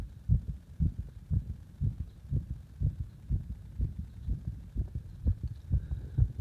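Strong, thumping heartbeat, roughly 120 low beats a minute, each beat heavy and pounding.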